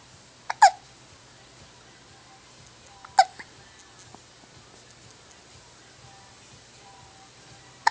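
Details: Two short, sharp hiccup sounds a few seconds apart from a baby, with soft faint sounds between, recorded on an Android phone in 2010; infant hiccups.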